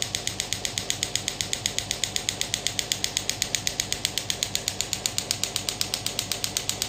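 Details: Pneumatic radial shockwave (ESWT) therapy handpiece demonstrated firing at maximum intensity after being lifted off the hand: sharp, very regular clicking shots about 95 a minute.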